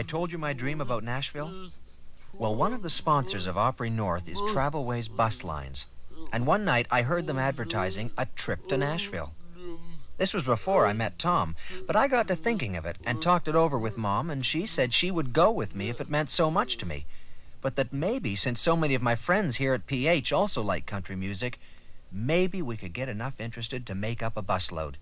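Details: Adult speaker narrating; ordinary speech.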